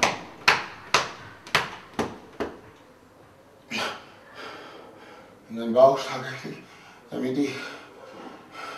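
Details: Patient with Tourette syndrome at a university hospital, around the implantation of a deep brain stimulator: six rapid sharp bursts, then gasping and short vocal noises in a quiet room; vocal tics.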